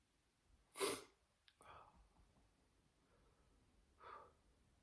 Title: Three different sneezes